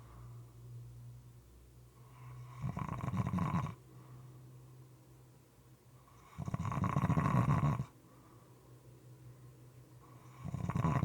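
Loud, rough, moist-sounding snores about every four seconds, with quieter breathing between them.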